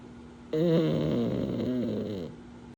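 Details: Sleeping pug snoring again: one drawn-out, buzzy, whistling breath with a wavering pitch, typical of a flat-faced dog's snore.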